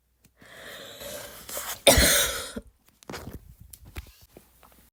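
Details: Imitated barking cough by an adult: drawn-in breath, then harsh loud barking cough burst and a few smaller throaty coughs.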